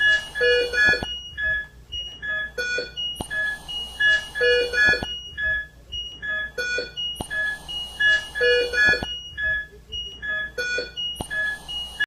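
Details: Repeating overlapping electronic alarm tones and beeps from ICU monitor/ventilator in a small room; organophosphate poisoning patient on ventilator support, treated with atropine injection and lavage.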